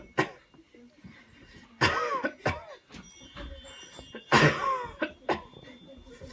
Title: The Cleansing-Healing Coughing Technique Demo 4